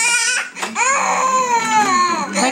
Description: crying for watever reason..hehe!